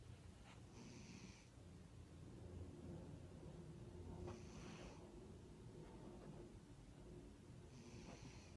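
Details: Cat napping, with light snoring: soft, rough snorting breaths recurring every few seconds over steady room noise.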